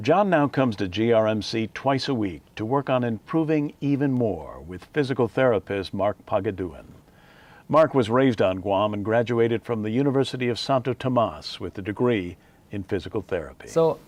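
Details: Adult male narrator; normal speech.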